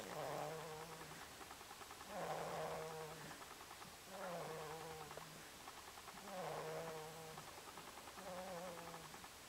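A cat snores in steady cycles, each breath a soft rasp followed by a low humming whistle.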